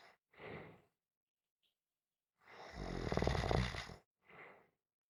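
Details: Gentle snoring: soft breaths in and out, then one louder rattling snore on inhalation, followed by a quiet breath out.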